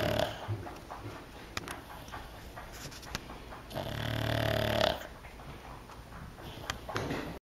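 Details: Pug sleeping and snoring very loudly: rough snoring with one long rattling inhaled snore standing out above softer noisy breaths.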